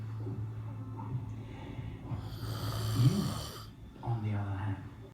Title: snoring